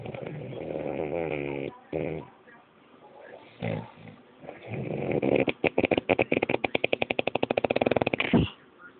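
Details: Man recorded by his girlfriend while asleep at night: loud droning snore on the in-breath, then a fast fluttering rattle of the soft throat tissues: snoring.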